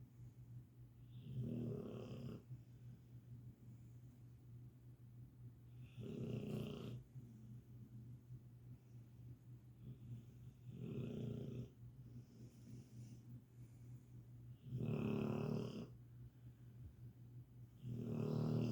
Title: Annoying Dog snoring part 2#cutedog #catahoula #pitbull #dog #pitbulldog #pitbullsofyoutube